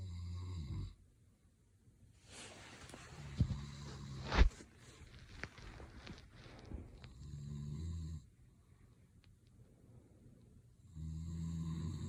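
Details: Adult man (husband) asleep: low, rumbling snores recurring on the in-breath, with quieter breathing and small room noises between: ordinary snoring.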